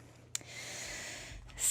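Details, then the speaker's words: Chihuahua nearly 10 years old snoring very loudly below the owner's seat in a quiet room: a single airy, hissing breath after a brief click: dog snoring. "oh god my dog is snoring very loudly she's waking here can you hear her she's so cute"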